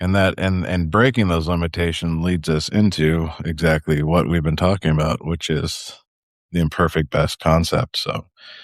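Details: Adult man; typical speech.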